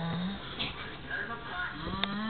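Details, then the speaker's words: Two men asleep in the same bed, snoring in apparent synchrony: overlapping rough, rattling breathing sounds from more than one sleeper, with some room noise; snoring. "This is synchro snoring. Take one. It appears that when men sleep together in the same bed, their snoring synchronizes."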